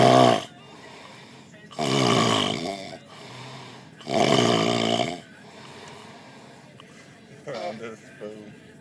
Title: Fat man snoring(Leave Comment)